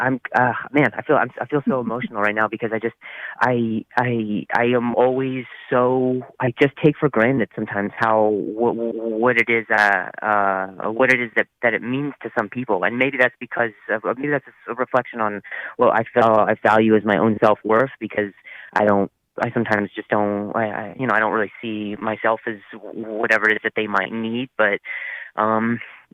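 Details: 8-year-old child who stutters, in a speech therapy session; stuttering.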